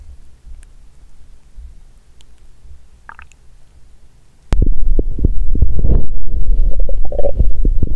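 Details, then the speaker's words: After a few quiet seconds, loud, frequent low abdominal gurgles and rumbles from a woman with abdominal pain on day two of her period; active bowel sounds. ""こっち側が痛い…"。"こっちもお腹がゴロゴロ鳴っている！"。"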